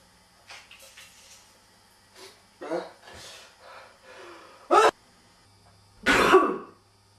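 A few soft throat noises, then two sharp, harsh bursts of throat clearing in a quiet room.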